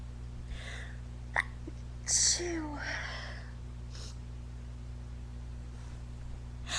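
A sharp sneeze-like burst with a gasp and breathy sounds, over a steady low hum.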